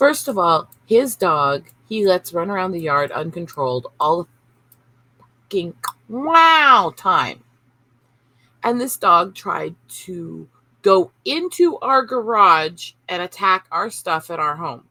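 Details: Vocal tics in an adult woman with Tourette syndrome, including involuntary words and swearing (coprolalia): repeated 'ow' and 'wow' and outbursts of swear words.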